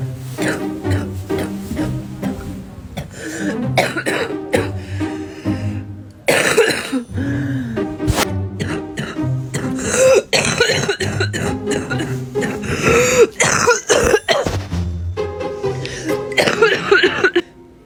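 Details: Adult woman with bronchitis on day three of antibiotics, steroids and an inhaler, reporting throat and chest pain with coughing: repeated harsh, wet, congested productive coughs and throat clearing over background music.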